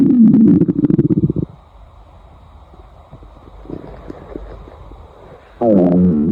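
Loud low rumbling gurgles with a pause of faint bubbling between them; ordinary stomach growling.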